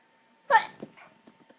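One abrupt, muffled burst of air through the nose with a short catch afterward, a stifled sneeze held back instead of released.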